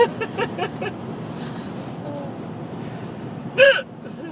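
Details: Hiccups during a vehicle trip: several short, sharp catches of breath over steady vehicle rumble, then one louder jerky gasp.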